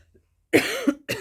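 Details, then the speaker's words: Two abrupt coughs from an adult man in a bedroom behind a shut door, the first with a short voiced tail; ordinary cough heard in the background. "and I don't know if you can hear my husband coughing in the background either he's in the bedroom with the door shut but I can hear him"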